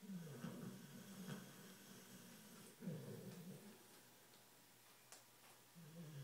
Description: My pitbull Dixie must be really tired. She is keeping me awake with all this noise.